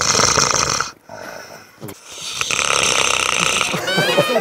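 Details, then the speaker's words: Child's home recording of his father's loud snoring, likened to an elephant and said to keep family awake; snoring. "아, 코를 엄청나게 고시는구나. 아, 저희가 그래서 노아가 아빠 코 고는 소리를 녹음을 직접 해왔다고 합니다."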